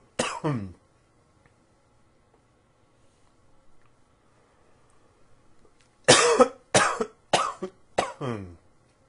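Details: One cough burst, a quiet pause, then a run of four sharp coughs in a quiet room, five in total, recorded in spring with everything blooming; cough.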